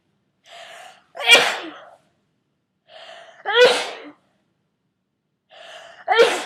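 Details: Three sneezes in a row from a person getting over a cold, each a short indrawn 'ah' then an explosive burst, part of a run of 34 sneezes: repeated sneezing.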